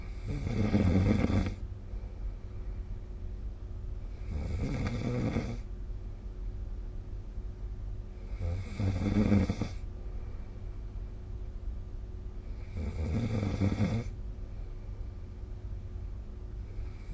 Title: 🐽 Snoring Sleep Sound / いびきの音